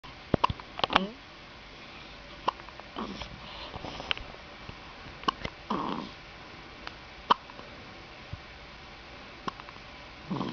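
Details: A penguin hiccups: brief sharp clicks and soft squeaks recur at irregular intervals in a quiet room.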